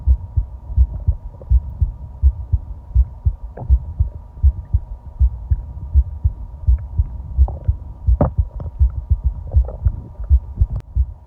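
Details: Own heartbeat recorded while lying down and breathing: steady low thumping at roughly 80 beats a minute over a constant hum, with faint stomach gurgles; heart pounded partway through from excitement.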